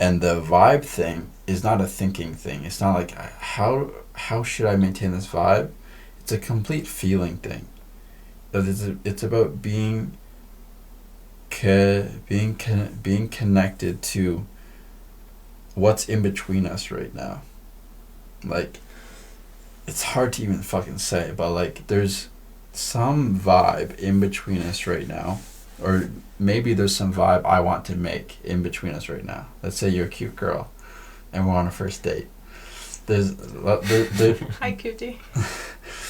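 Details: Male podcast host who stutters; part-word and word repetitions; stuttering.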